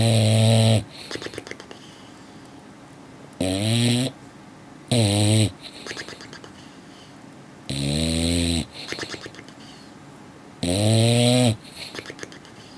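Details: Snoring from a sleeping dog: loud, rhythmic rattling snores about every three seconds with quieter breaths between, against faint background music.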